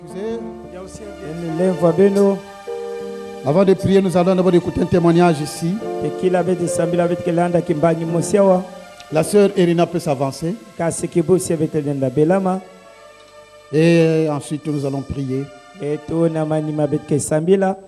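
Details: Adult male speaker; normal voice.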